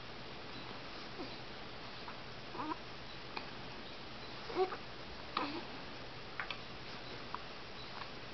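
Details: About nine faint, brief click-like squeaks recurring roughly once a second in a quiet room, fitting hiccups in a small pet (Milo).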